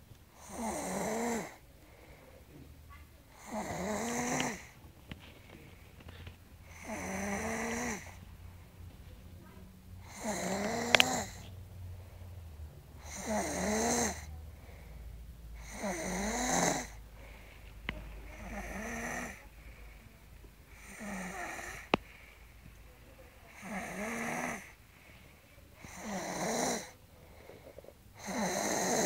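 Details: Snoring woman: loud, rhythmic snoring with a rattling buzz on each breath in, about twenty breaths a minute.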